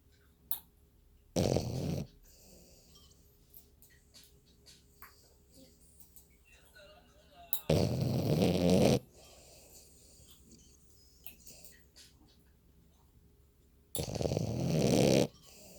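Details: Sleeping female dog snoring: three loud, rough, low snores about six seconds apart, roughly ten breaths a minute, quiet room; ordinary snoring.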